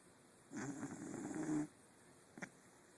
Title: Zeus snoring